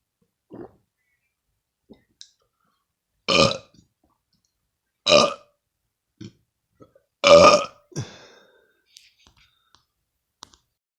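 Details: While drinking milk: three loud, throaty burps in quick succession with a few small mouth clicks and swallowing sounds between them; burping.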